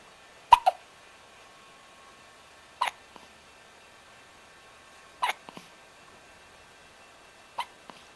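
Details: Four sharp, brief hiccup sounds about two and a half seconds apart, roughly 25 a minute, quiet room: hiccups.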